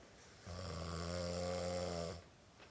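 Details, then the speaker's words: A single steady, buzzing, resonant snore under two seconds against a quiet room, described as snoring like a saw through the nose; typical snoring. "sóolo ronca como un cerrucho mírenlo está llamando la hembra es su llamado reproductor"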